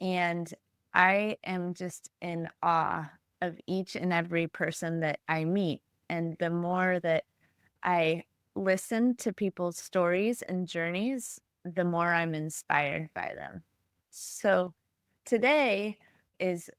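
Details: Adult woman speaking; no speech disorder.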